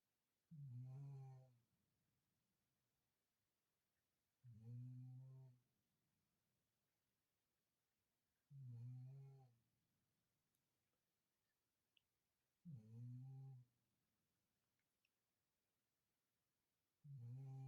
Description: snoring in his bed